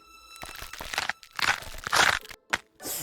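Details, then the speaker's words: Knee of an osteoarthritis patient during movement: irregular crunching and cracking bursts. Crepitus from worn cartilage with lost lubrication, bone surfaces or rough cartilage rubbing. "이게 무릎에서 나는 소리라고요? 네, 이 소리는 바로 관절염 환자 무릎에서 나는 관절 소리입니다."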